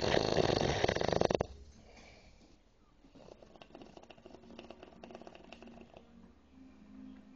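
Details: Drunk person snoring and drooling in deep sleep: one loud, rough, rattling snore, then quieter breathing with faint clicking noises.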